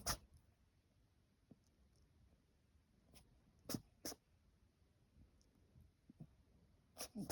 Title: His sneezing is getting more agressive I’m getting worried :( 🐰